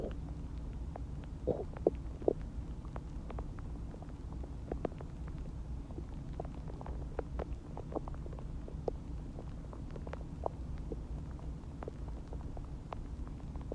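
Low continuous rumbling with scattered gurgles and pops: ordinary stomach growling from gas and fluid moving through the gut after a meal.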